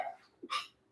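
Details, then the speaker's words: Small, soft, delicate sneeze from an adult cooking live, with a brief quick intake then a short airy burst, after nose tickling while opening a container. "Okay, that was that delicate sneeze. I sneezed like I really sneezed."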